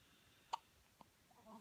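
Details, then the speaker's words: Newborn baby boy, about two to three days old: a single sharp, brief hiccup in a quiet room, then a fainter second catch and soft infant sounds; hiccups. "uhoh somebody's got to hicup someone's got a hicup"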